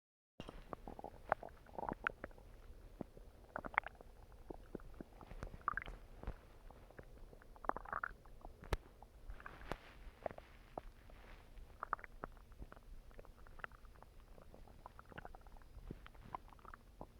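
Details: Stomach growling: scattered gurgles and bubbling rumbles over faint steady background hum, from gas and fluid moving through the gut.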